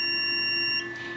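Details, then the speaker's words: Venus Viva radiofrequency skin-rejuvenation handpiece on the face near the orbital rim, with the button held down; a steady high electronic tone that stops abruptly, signalling the pulse is complete. "holding the button down for the entire hope you'll notice the light on the candy felt light up and tells me when it's complete but the sound also tells me when the pulse is complete"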